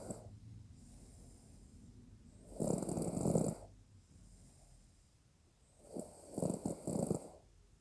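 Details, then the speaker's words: Snoring: two loud, rattling snores on inhaling with quiet breathing between, at about 16 breaths a minute. "parece como roncas?"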